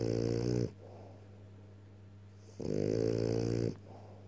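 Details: French bulldog snoring: loud, buzzing, rattling snores about two seconds apart, with quiet breathing between them.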